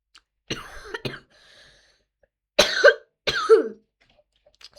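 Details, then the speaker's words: Cough from a person who says they have a cold. "scuzați, dar sunt răcit."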